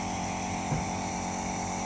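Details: Otica ONEB-11 compressor nebulizer running during a demonstration: steady loud motor drone with a rattling hum, with the mist output adjustable.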